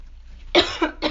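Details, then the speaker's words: Person who is sick with a hoarse, failing voice while trying to provoke sneezing: a single sharp cough followed by a short second burst. "I think it might just make me cough a lot but hopefully I'll get the symptom that I actually want out of this we'll see if it goes okay"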